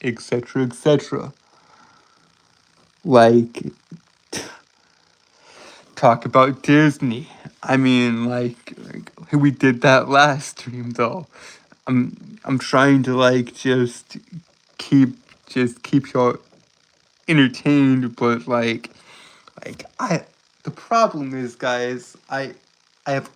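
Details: Adult man who reports a speech impediment causing stuttering and tripping over his words. Finding: stuttering.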